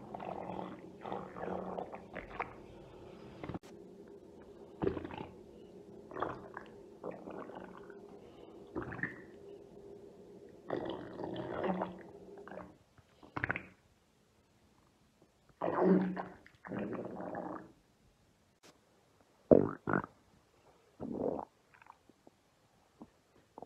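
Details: Adult's deep tummy and belly rumbles: irregular, deep gurgles from gas and fluid moving, an ASMR recording of bowel sounds (borborygmi).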